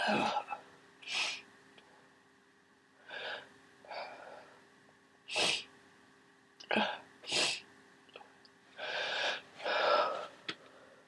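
A series of forceful, explosive sneezes, some with sharp in-breaths between them, during a cold.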